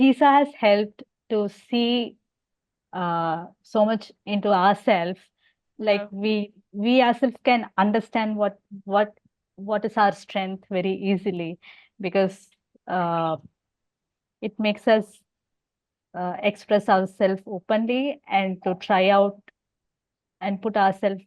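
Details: Adult woman who stammers and has hearing loss, asking a question, with word repetitions; stuttering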